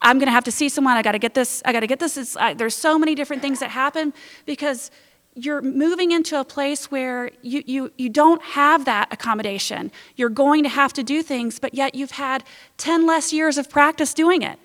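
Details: Adult woman speaking to an audience; normal fluent speech.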